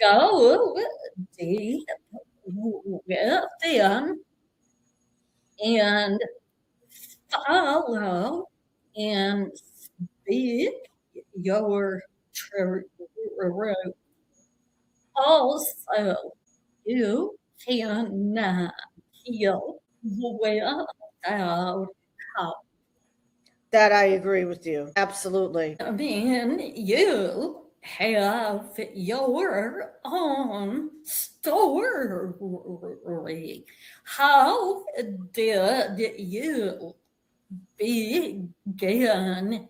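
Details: Woman with a real vocal tremor, which the host says developed after over 50 years of narcissistic abuse and trauma that began at age five, and which she describes as manifesting physically in her body and nervous system; vocal tremor.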